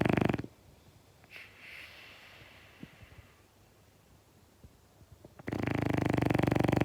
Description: This snoring French Bulldog may be preventing his human from napping, but he sure isn't losing any sleep over it.